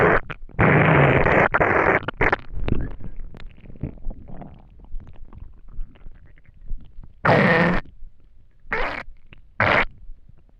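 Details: Empty, hungry stomach noises after not eating for a day: borborygmi.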